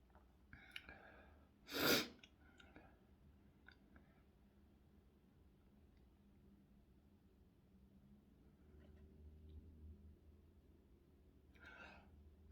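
One short explosive sneeze in a quiet room, followed by faint breathing and small rustles.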